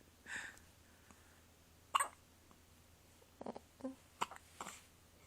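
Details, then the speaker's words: Soft, brief gulping catches repeating about six times over five seconds in a quiet room from a 3-day-old newborn; hiccups. "do you have the hiccups you do"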